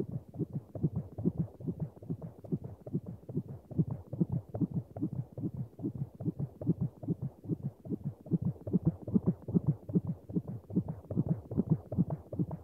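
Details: Fetal heartbeat sound effect: rapid, regular whooshing thumps at about 146 a minute, a fetal heartbeat within the normal range.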